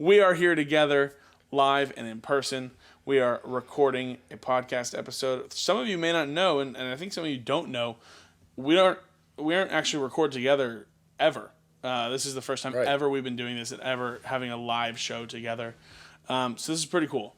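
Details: Adult male speaker; normal voice.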